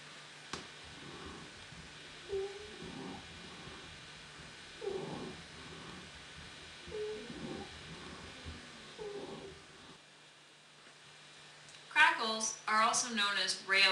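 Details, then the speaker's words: Pediatric respiratory assessment example: repeated breath sounds carrying high, musical whistling tones; wheezes from bronchoconstriction or airway obstruction, which may occur on inspiration, expiration or both. "no whether you hear wheezing upon inspiration expiration or both and whether it's mild moderate or severe here's an example of a"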